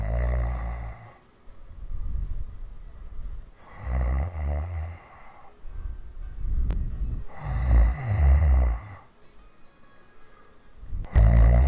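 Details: Person snoring hard, recorded in 2015: loud, rough, rattling snores on each in-breath, about three cycles in twelve seconds, with faint background music.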